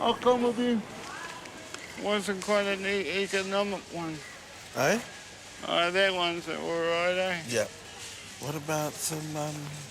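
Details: 32-year-old man born with cerebral palsy, dependent on 24-hour care, with slurred speech that worsens when tired: dysarthria (cerebral palsy)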